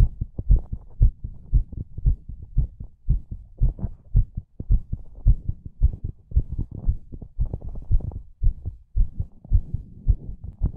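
Steady deep double thumps at about 110 a minute, regular, with a low background hum.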